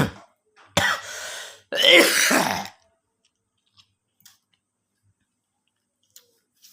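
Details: Cough during sahur, the pre-dawn meal: two harsh, throaty coughs, then near silence in a quiet room.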